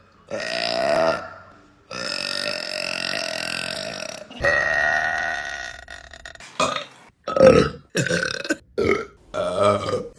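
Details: Woman belching, from a compilation of women burping: a series of long, loud, rumbling belches, the first few drawn out, then several shorter ones in quick succession.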